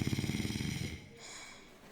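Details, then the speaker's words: Snoring respiration heard during the airway check of an emergency primary survey (ABCDE): brief coarse, rattling low flutter on breathing that fades, a sign of partial upper airway obstruction. "Listen and watch to see if there is air movement from the mouth or nose. Listen for abnormal sounds such as stridor or snoring."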